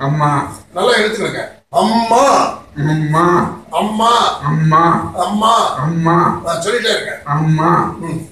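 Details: Adult therapist speaking; clinician modelling words.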